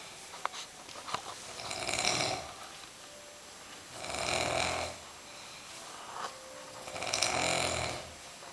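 Three loud, rasping snores on breathing in, each about a second long, with quiet pauses between them. A rhythm of about 20 breaths a minute.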